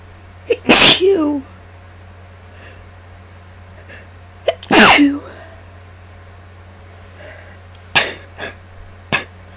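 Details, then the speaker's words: Induced sneezes from a person sick for 8 days, still congested with a nearly lost voice, recorded with high mic gain: two loud explosive sneezes, each preceded by a brief inhaled catch, then softer sniffs over a steady hum. "also to let you all know I have the gain turned up on the mic so my sneezers are going to kind of maybe sound a little softer than this and um the air pitch will be lower I think"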